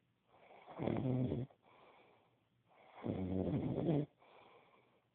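Two loud, low, fluttering snores, each followed by a softer out-breath; typical snoring from vibrating soft tissue in the throat.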